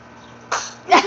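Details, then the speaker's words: Infant's small, sharp sneeze after a brief intake of breath, described as fake sneezing, as an adult repeatedly prompts "sneeze" and laughs; sneeze. "Sneeze. Oh! Sneeze. Oh! Sneeze. Oh! No! Sneeze. Sneeze. That's hilarious."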